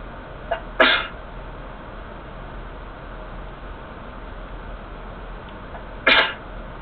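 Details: Second sneezing episode of the day: two short, sharp sneezes about five seconds apart over steady background hiss; sneezing.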